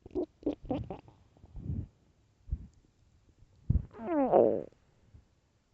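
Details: Loud gurgling, bubbling stomach rumbles ending in a long, rising growl from a starving, empty stomach; hunger borborygmi.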